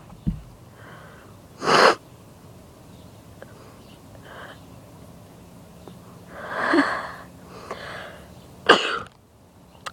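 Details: A child sneezes sharply after snorting pepper, trying to sneeze with eyes open, then noisy sniffing breaths and a second sneeze.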